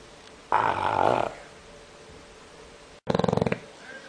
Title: Bulldog Snoring